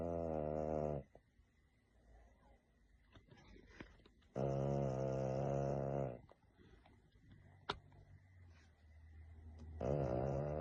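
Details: A French bulldog sleeping makes loud, buzzing, rattly breaths, each one to two seconds long and about 13 a minute, with quiet breathing between: snoring.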